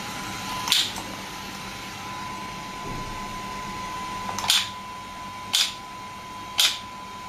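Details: Sharp snapping pulses at irregular intervals over a steady electronic tone: an SW5S shockwave therapy device firing after gel is applied, with the patient's feet placed up. The device is used for ED and plantar fasciitis.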